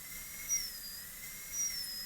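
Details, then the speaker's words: High-speed dental handpiece with a 330 bur cutting a maxillary molar DO Class II amalgam prep in a live teaching demo: a steady high-pitched whine rising briefly twice as the bur cuts in lingually beside the adjacent tooth. "now let's go lingl again with the Burr as close as we can get it to the adjacent tooth a little further and a little further and that's about right so now we're going to cut from there in"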